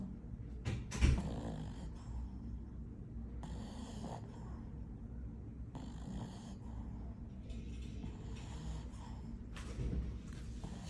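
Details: Sleeping Boston Terrier, peaceful, with low rumbling snores and snorting inhalations, about four breaths in eleven seconds, roughly 20 a minute; ordinary dog snoring.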